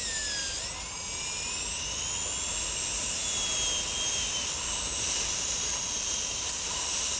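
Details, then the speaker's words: High-speed dental drill with a number one round bur cutting dimples through lingual enamel of maxillary anterior abutment teeth as seats for pinhole twist drills, three-unit anterior bridge preparation: continuous shrill whine with slight pitch dips under load. "The twist drills do not drill well through enamel so it's very important that these little dimples are drilled through the enamel."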